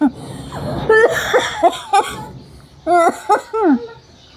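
An infant gives a run of short, high-pitched, voiced bursts, like small coughs mixed with vocal sounds, in a quiet room: a brief baby cough.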